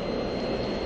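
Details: LTV 950 ventilator turbine running during a circuit leak test, with the patient Y occluded and circuit pressure elevated: a steady whooshing motor hum with a faint high whine.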